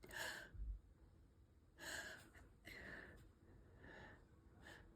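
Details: Person with recurring sneezing fits: several quick, breathy sneezes close together in a quiet room; a sneezing fit.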